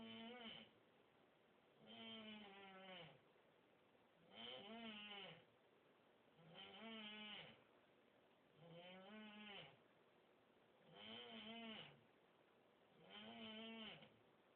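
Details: Roommate's loud, tonal, rattling snoring through a door, on each breath in at about 27 a minute with quiet breaths out between; first mistaken for a cat being choked; snoring.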